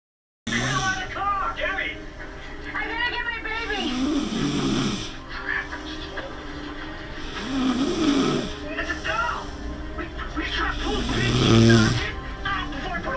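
Slow, loud rattling snores every few seconds, about four over thirteen seconds, with music playing in the background; ordinary snoring.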